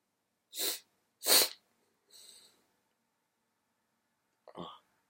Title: waiting for the sneeze